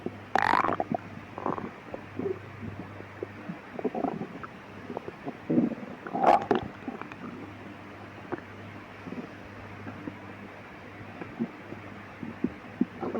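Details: Frequent gurgling, squeaking abdominal rumbles at midnight in a quiet room: hyperactive bowel sounds (borborygmi), stomach growling.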